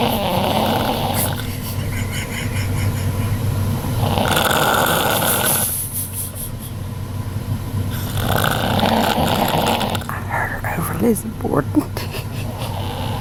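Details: Adult female (aunt) snoring extremely loudly in bed while asleep: very loud rattling snores about every four seconds.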